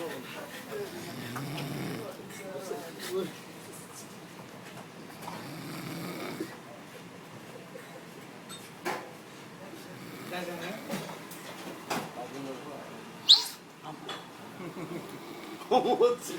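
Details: Sleeping man snoring after work: irregular snoring with rough breath noises against faint room sound.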